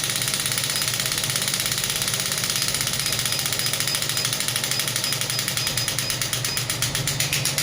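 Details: Biotronix pneumatic radial shockwave therapy device (5–12 bar range) demonstrated on a table at maximum 12 bar with increased frequency: fast steady jackhammer-like rattling pulses with slight table vibration.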